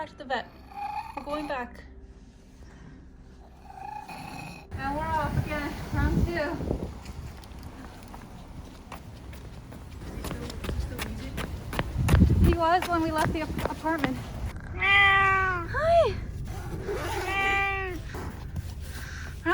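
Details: Excessive loud meowing from a normally quiet cat back home from an emergency vet visit for respiratory symptoms, fever, vomiting and diarrhoea, now with rapid, heavy laboured breathing like an asthma attack, with suspected coronavirus infection.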